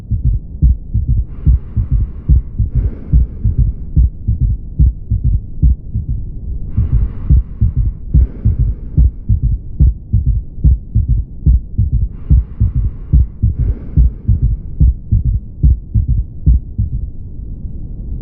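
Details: Steady low heartbeat near 72 a minute with an extra soft early-diastolic thud; third heart sound (S3).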